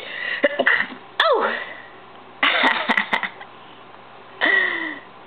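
Several short, sharp, noisy bursts from a small pet, typical of sneezing, with a brief human exclamation.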